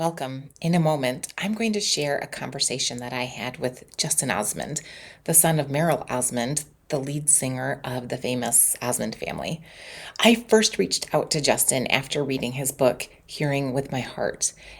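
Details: Adult speaker; Normal speech.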